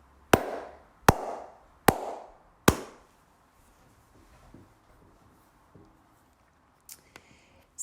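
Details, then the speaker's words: Lung-rehabilitation physiotherapy demo of cupped-hand chest percussion to loosen mucus: four hollow, sharp claps on the chest wall at a steady pace, the hollow sound expected from a correctly cupped hand. "when you hit your chest wall with a cupped hand you should get a hollow sound and this will send vibrations through the lungs to start moving the mucus around"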